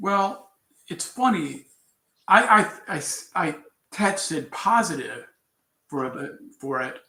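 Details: Adult man with aphasia and word-finding difficulty after a traumatic brain injury from a bicycle accident about four years earlier, which left him in a coma; he is still recovering speech; aphasia.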